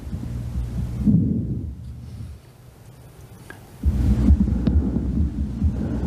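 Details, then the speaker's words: Stethoscope auscultation at the lung apices in a nursing respiratory assessment: soft, low rustling breath sounds rising and fading with quiet pauses, normal vesicular breath sounds. "At the apices of the lungs, you will hear vesicular sounds."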